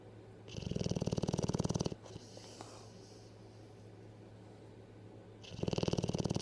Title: Sleeping & Snoring